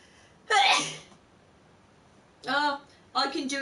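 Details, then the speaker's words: Single sharp, breathy sneeze from a woman during a stream, followed after a pause by brief voiced sounds; an ordinary sneeze. "wow that was a good sneeze I love sneezing is one of my favorite things to do"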